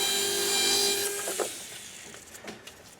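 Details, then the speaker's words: 1.6 mm implant osteotomy drill with 12 mm drill stop, placing narrow-diameter implants in the anterior mandible on a practice model; high whining drill runs about a second, then stops, leaving faint handling clicks. "Next step is I take my 1.6 mm drill. The 1.6 mm drill at velocity and carrying"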